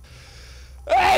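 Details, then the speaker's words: Near silence, then a sudden loud, harsh burst of air with a voiced edge: a person's sneeze, the explosive start, during a live-streamed gaming session. "sneeze I sneezed what's this turn it up I can't hear it sorry"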